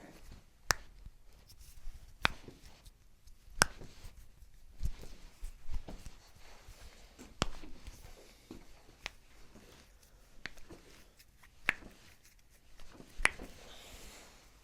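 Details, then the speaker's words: Chiropractic toe manipulation on an adult patient lying on the table, with neck, shoulder and lower-back stiffness: several sharp, brief cracks and pops spaced a second or two apart in a quiet room as the toe joints release. "another soft breath in and out okay i'm going to crack your toes"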